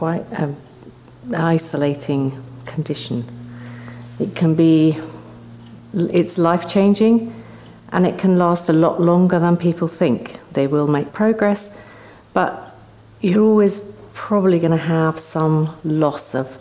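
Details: Adult woman speaking; ordinary fluent speech.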